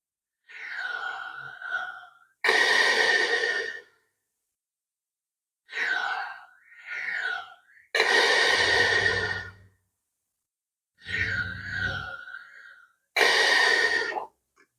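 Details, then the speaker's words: Respiron Classic low-cost flow-based inspiratory incentive exerciser, second mode of use (raising at least one ball and holding it up): slow, deliberate breaths, about eleven a minute, with sustained effortful breaths held steady. "segunda forma você elevar pelo menos uma das bolinhas e sustentar a bolinha como como eu vou fazer agora"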